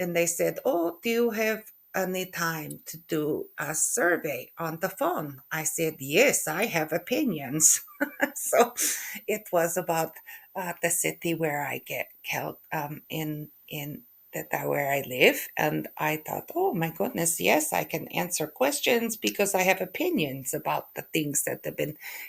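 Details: Adult woman with aphasia after a stroke in November 2023, with word-retrieval difficulty, mixed-up words, halting speech, syntax errors and impaired spoken-language comprehension.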